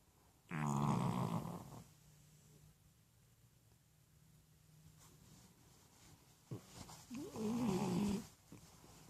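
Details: Male French bulldog asleep on a pillow: two loud, vibrating snores about six seconds apart with quiet breathing between; snoring.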